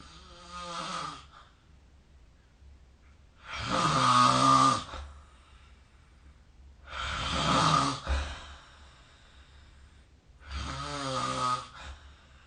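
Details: Loud, rattling snores from a sleeping adult, about 18 breaths a minute with quiet gaps between, recorded with the SnoreLab smartphone app.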